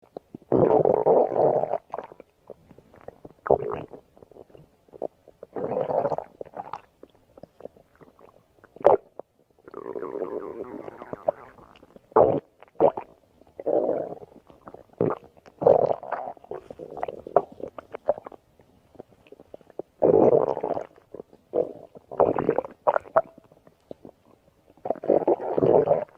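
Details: Stomach growling (borborygmi): irregular gurgling and rumbling bursts from the belly, from ordinary gut movement.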